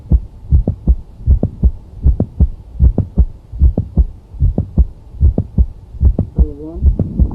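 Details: Heart sound recording with a mid-systolic click.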